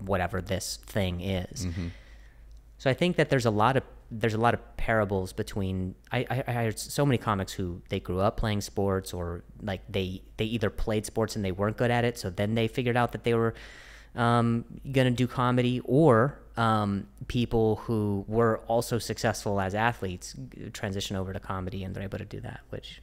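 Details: Stuttering in an adult host who is described as fighting through a stutter; word repetitions are audible.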